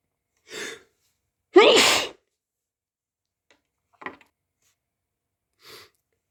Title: muffled/strong wet sneezes